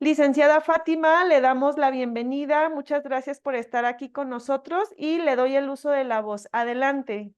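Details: Adult woman speaking Spanish; Normal voice.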